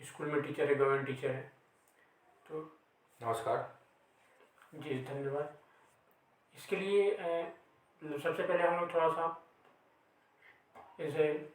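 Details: Real stuttering in an adult male host who stammers.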